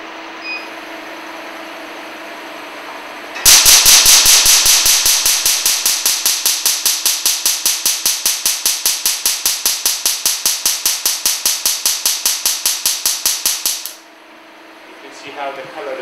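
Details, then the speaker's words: Q-switched Nd:YAG laser fired during tattoo removal: rapid, regular sharp snapping pulses, about 150 a minute for ten seconds. "of tattoos is done by the laser which is called the Q switch andag laser uh it covers many colors of the tattoos like the navy blue the black and the uh the brown color uh while other tattoos like the yellow red and the orange color is covered by the a double frequency Q switch andag laser and now I'm going to fire it"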